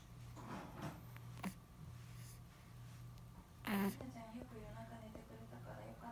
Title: hiccup & sneeze of Japanese Baby